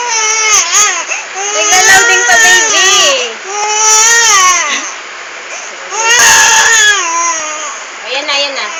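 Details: Infant crying loudly in long rising and falling wails with brief breaths between; ordinary crying, reportedly because a Gangnam Style song was slow to play.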